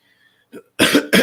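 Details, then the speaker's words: An adult with a lingering cough after COVID contracted after Christmas gives a small throat sound, then two short, harsh coughs in quick succession, blamed on lingering congestion. "you hear that cough a little little cough that comes in um that it's kind of annoying it's like a lingering bit of congestion that i can't seem to get rid of"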